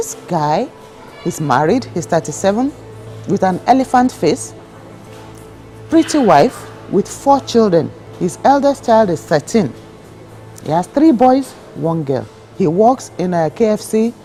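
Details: Adult female narrator with background music; normal speech.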